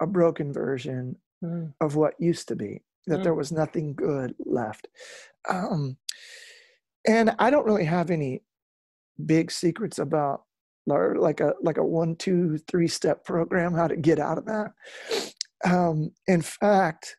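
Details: Adult male lead singer with incurable spasmodic dysphonia that began at the height of his music career and was first mistaken for hoarseness; he still struggles with it and says it is audible in his speech; spasmodic dysphonia.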